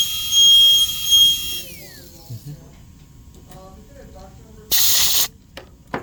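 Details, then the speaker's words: High whine of a high-speed dental drill with a 330 bur winding down, then quiet and a short burst of spray or suction, during a Class II MO amalgam preparation on a mandibular second premolar. "the reason of doing this is for me to make a large enough proximal box with burr as much as I can, and don't spend extra time using enamel hatchet. So now I'm gonna use the burr all the way."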